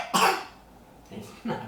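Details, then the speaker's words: A child's productive wet cough: one loud cough, then two softer sounds, with phlegm audibly rattling in the chest, recorded with a directional shotgun microphone. "See how clearly you can hear the phlegm rattling in his chest?"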